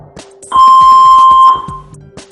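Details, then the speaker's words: A single steady high beep about one second long amid faint room noise: power-on confirmation tone of a Saver One AED defibrillator during a demonstration. "a beep will confirm its switched on follow voice instructions"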